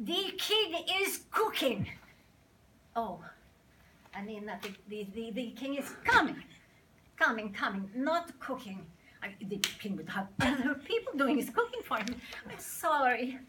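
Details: Acted stuttering: a very young, nervous character on stage for the first time, played by an actress in a theatre workshop excerpt, repeating words and mixing up similar words; stuttering (acted).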